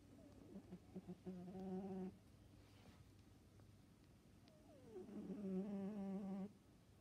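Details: A sleeping Siberian cat snoring: two drawn-out, buzzy, humming breaths a few seconds apart over quiet room hiss, with a tonal, purr-like quality.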